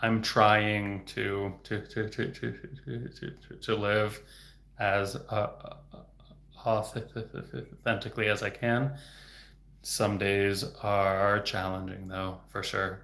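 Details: Adult man who has stuttered since about age 8 (third grade), with speech therapy off and on until about age 20, now a speech-language pathologist; stuttering.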